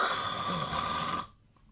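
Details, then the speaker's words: Adult sleep medicine doctor imitating snoring: a single rough, rattling open-mouth snore lasting about a second, then quiet; explains snoring is easier with mouth open and comes from the tongue vibrating against the back of the throat. "like I have to typically it's easier for me to snore when my mouth is open versus if I try to if I try to snore with my mouth being closed it's much harder"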